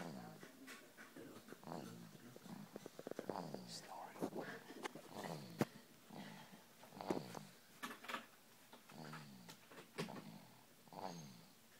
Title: snoring